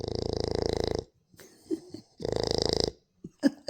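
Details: Two loud buzzing snores on inhaling, with soft snuffling and smacking sounds between breaths, from a sleeper; snoring.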